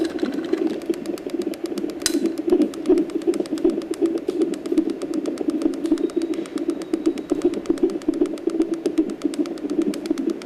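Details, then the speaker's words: Fetal heartbeat on a CTG monitor during labour, recorded on October 1 before the baby boy's birth: rapid regular whooshing thumps at about 150 beats per minute, with contractions tracked alongside; a normal fetal heart rate. "Paparinig kasi yung heartbeat mo nandito, ha? Ayan yung contraction sa right. Heartbeat mo 150."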